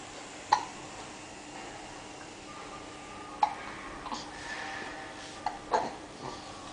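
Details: Hiccups in a 7-week-old baby boy: several short, sharp, irregularly spaced catches over quiet room noise.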